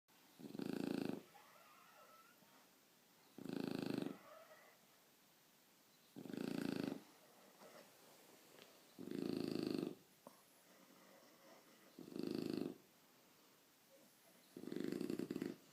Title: Roncando